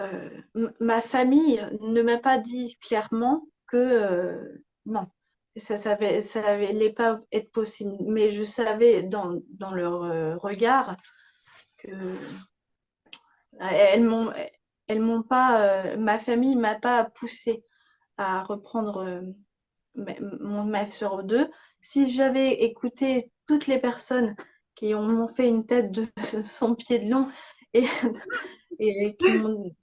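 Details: Young woman, speaking French, with aphasia after a stroke at age 22 that affected her speech and grammar; aphasia after stroke.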